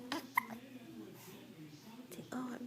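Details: Infant girl with hiccups just after a bottle feed, before a nap: a few short, sharp hiccup sounds between quiet breaths; ordinary infant hiccups.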